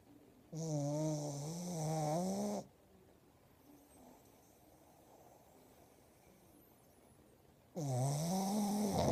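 Loud, drawn-out honking snores with a wavering pitch, separated by a long quiet pause; snoring from a flat-faced dog.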